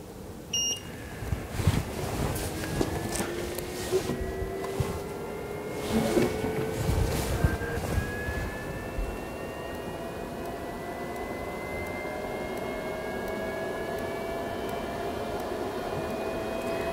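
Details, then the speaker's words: Tecmen Freflow powered air respirator pre-check: pump on low flow, hose connected to battery pack but disconnected from hood, open end occluded by hand. Steady motor hum rises in pitch when blocked, handling knocks, brief beep; occlusion alarm should follow. "Ensure hose is connected to the battery pack, but disconnect from the hood. Switch on low flow and occlude open end with hand."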